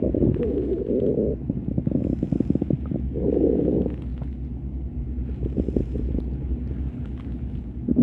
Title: stomach growl sound effect